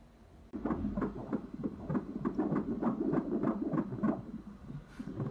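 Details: Fetal lamb heartbeat on ultrasound during a pregnancy exam of a ewe brought in for eating and drinking problems: rapid, regular whooshing pulses at about 190–200 a minute.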